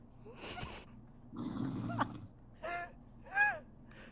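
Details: Sleeping person snoring loudly, a rumbling fluttering snore on the in-breath, with short voiced grunts or murmurs around it; snoring.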